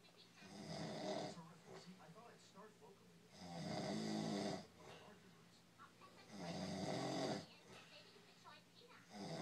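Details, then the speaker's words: Heavy snoring during sleep: loud, rattling snores in three regular bursts about three seconds apart, about 20 breaths a minute, with quieter breathing between; said to be louder than a generator. "fucking snoring, motherfucker. Shit. The fucking generator in the truck is fucking quieter than that."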